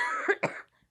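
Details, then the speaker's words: Adult woman with a cold gives a brief, harsh cough in about two bursts, barking like a child's croup; barking cough from a cold. "is deathly ill and let me just say not deathly ill I just have like cough that sounds like like you know when your kid has croup that kind of is like how my cough sounds"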